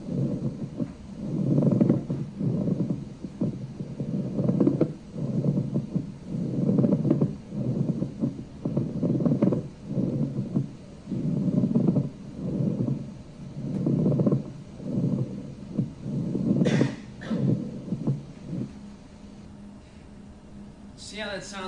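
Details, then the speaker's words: Pleural friction rub from inflamed pleura: rhythmic, symmetrical, grating and creaking bursts with each breath, like bending old leather, drier than rhonchi. "so it's going to sound like Rony but it sounds like a drier sound and in fact some people talk about it in terms of like crackling old leather so imagine taking an old piece of leather and bending it and the crackling sound it would make"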